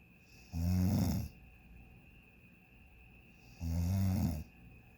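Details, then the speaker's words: Snoring in a hotel room on vacation at 12:37 a.m., described as a relentless freight train; two loud, low, rattling snores about three seconds apart with quiet pauses between. "It's a freight train. No one's getting in front of. No one can stop it. It's just a freight train of snoring."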